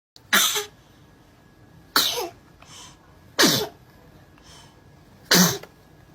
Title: Cute cute sneezing 🤧#babysneez #babiescute